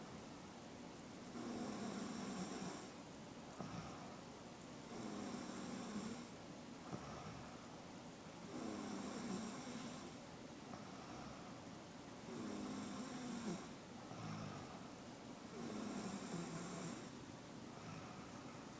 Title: SNORiNG ! SiNO TO ?